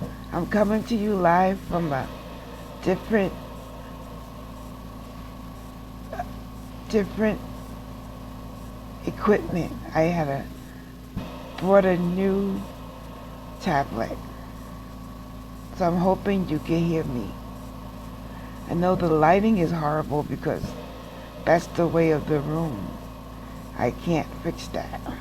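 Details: Adult woman with aphasia after a stroke, still taking speech therapy classes, recorded in nursing-home rehab; she reports sometimes mixing up words and speaking gibberish or backwards; real patient; aphasia.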